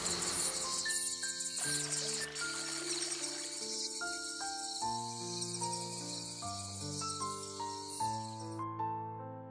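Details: Tinnitus masking sound from the ELEHEAR hearing aid app, played through the hearing aids: steady high cricket-like chirring over a soft, slow melody of sustained tones.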